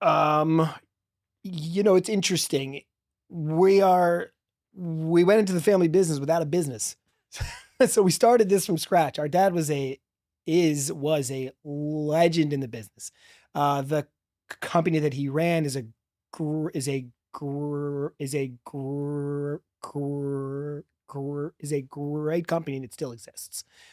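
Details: Adult man who has stuttered since childhood, speaking with part-word repetitions and blocks; stuttering.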